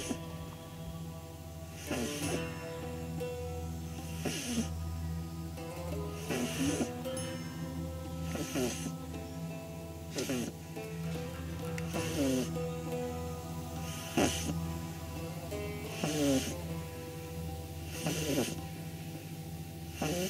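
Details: 9-week-old pug puppy sleeping on her back, eyes rolled back, snoring: snorting breaths about every two seconds, roughly 30 a minute, over steady background music.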